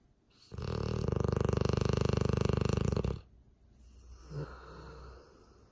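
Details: Female dog snoring while asleep: a single long, low, rumbling snore of about 2.5 seconds, followed by quieter breathing.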